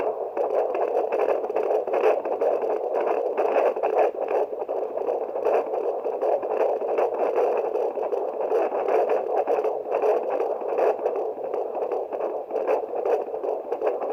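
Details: Fetal heart rate check with a handheld fetal Doppler: rapid, rhythmic whooshing pulses at about 155–160 beats a minute; fetal heartbeat.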